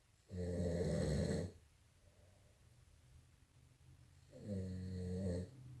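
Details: An adult man snores loudly and deeply during sleep: two long, low, vibrating snores on the in-breaths, separated by a quiet out-breath.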